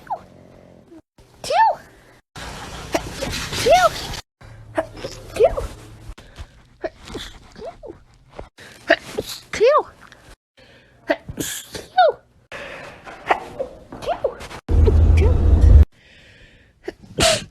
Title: sneezing compilation 2